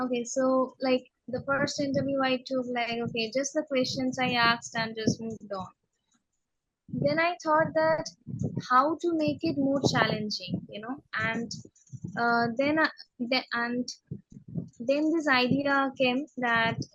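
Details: Adult woman who stammers, speaking in a real interview; stuttering (stammering).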